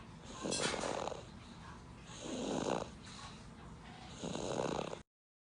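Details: Sleeping toddler aged 1 year 4 months snoring: three slow, rough, rattly inhaled snores about 2 seconds apart.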